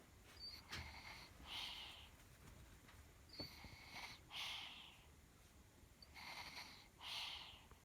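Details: Baby sister sleeping: soft, hissy snorting breaths recur about every three seconds, a light nasal snore, her first time snoring.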